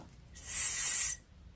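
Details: Normal, undistorted /s/ sound demonstrated by a speech-language pathologist, tongue tip just behind the upper teeth, not spilling out between the teeth.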